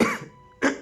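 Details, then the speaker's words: Two short, harsh cough bursts from an adult man narrating, with a faint steady tone in the background; he says he has a cough. "Sorry guys थोड़ा खांसी है मेरी आवाज थोड़ी sorry आपको थोड़ा destruction होगा। मेरी खांसी है इसीलिए आप सॉरी सुनो।"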